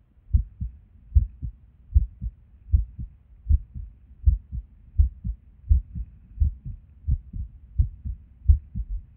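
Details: Resting heartbeat recorded while sitting at a desk, often skippy with and without reason. Low thumps at about 80 a minute with uneven spacing and occasional pauses; irregular heartbeat with skipped beats.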